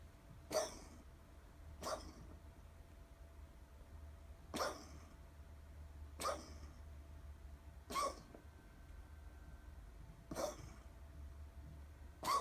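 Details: Dog coughing: seven short, sharp, hacking bursts a few seconds apart over a steady low room hum. Repeated coughing.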